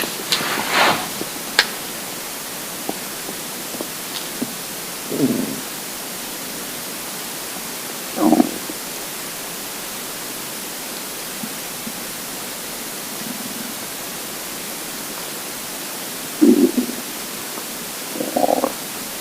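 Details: Intermittent short gurgles and low rumbles from an empty, hungry stomach over a steady hiss: normal hunger stomach rumbling (borborygmi).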